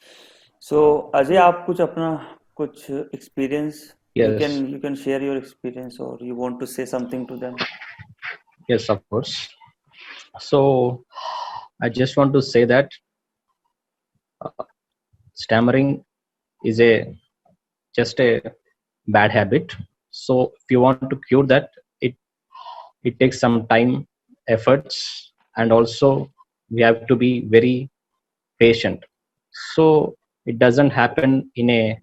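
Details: Adult student in an online stammering therapy class giving a self-introduction in English; stuttering.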